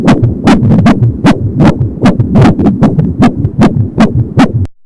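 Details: Fetal heart sounds at 22 weeks of pregnancy on an Angel Sound fetal Doppler: rapid, regular whooshing pulses at about 170 beats a minute, with whooshing umbilical cord sounds.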